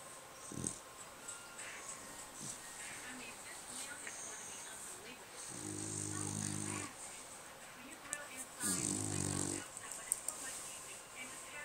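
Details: Snoring from a sleeping female: two long, low, buzzing breaths about three seconds apart over room noise.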